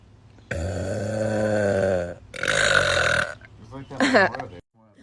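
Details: Girl burping: two long, loud, voiced burps, then a shorter one: belching.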